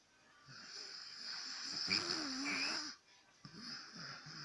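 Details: Father snoring at 10:35 pm: rough, rattling breathing during sleep with a higher whistling edge, then a pause before the next breath.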